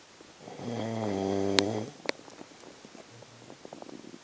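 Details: Boyfriend snoring during sleep: one rough, buzzing inspiratory snore, then clicks and quiet breathing; snoring.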